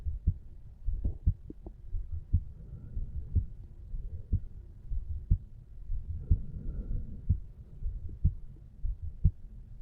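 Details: Heartbeat of a 35-year-old male relaxing on a couch, recorded over the mitral (bicuspid) valve area: steady low thumps about 60 a minute, normal heart sounds.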